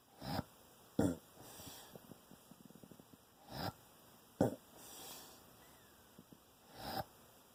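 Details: A sleeping pet snores with sharp snorting breaths about 18 times a minute, separated by wet, bubbling, gurgling clicks; the owner says it sounds like drowning in sleep.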